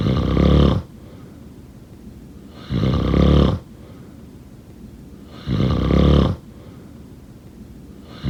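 Loud, rough rattling on each breath in, about 23 breaths a minute, with quiet breaths out: snoring.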